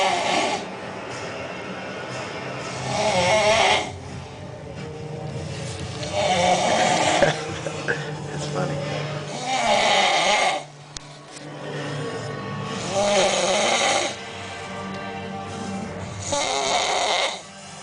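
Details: Heavy snoring from a person passed out asleep: loud, harsh, rattling snores about 18 times a minute, with noisy breaths in between.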